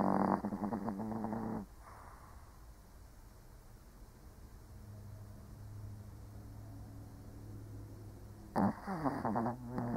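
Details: Old Shih Tzu dog snoring while asleep: rough, rattling snoring breaths separated by a long quiet stretch of soft breathing.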